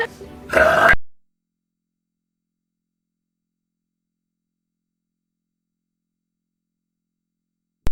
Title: Burping Girls Compilation Burp Girl Short 2 #twitch #burp #streamer